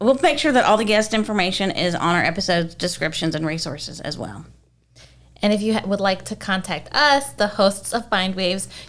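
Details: Adult woman speaking; no speech disorder.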